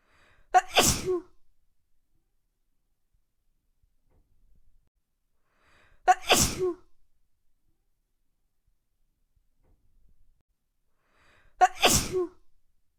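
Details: Three evenly spaced sharp, explosive sneezes, each preceded by a brief inhalation.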